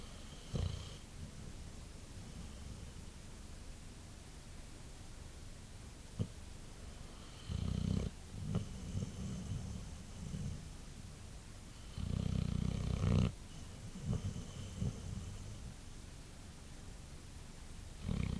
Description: My white boxer sleeping and snoring after a long day.